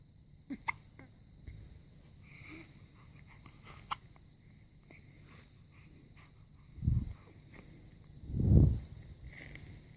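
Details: Day-7 newborn baby with hiccups during weigh-in, also crying and choking on milk.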